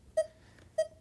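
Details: Masimo continuous pulse oximeter with finger sensor on a patient: two clear electronic beeps about 0.6 seconds apart, the pulse tone tracking the heartbeat at roughly 100 per minute.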